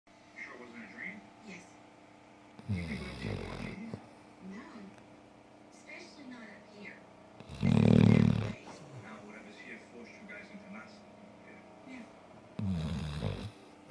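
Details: Dog snoring and keeping its owner awake: deep rumbling snores repeating every few seconds between quiet breaths.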